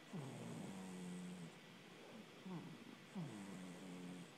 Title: my cat snores